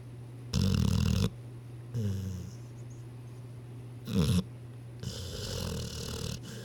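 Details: Sleeping dog snoring, owner wonders what it is dreaming about: loud, rattling snores and snorting breaths, irregular in timing, with a steady low background hum; ordinary snoring.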